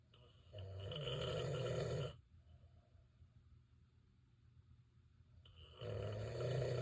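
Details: Husband's very loud snoring during sleep: very loud, rough, vibrating snores on inhalation, separated by quiet pauses of a few seconds; heavy snoring.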